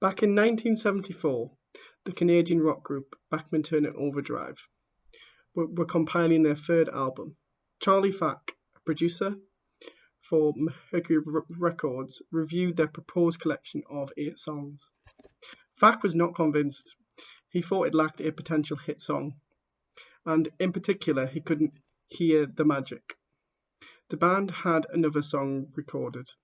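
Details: A person who stammers reading aloud the introduction to a book, with real stammering in the reading: stammering.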